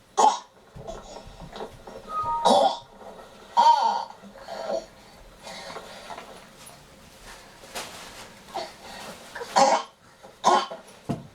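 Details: About seven separate harsh cough bursts, spaced irregularly with quiet gaps and low room noise between: repeated cough.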